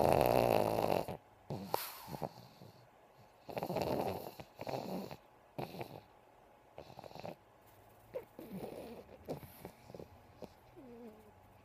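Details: Sleeping, twitching pug snoring: loud rattling snorts on inhalation, repeating in bursts between quiet pauses.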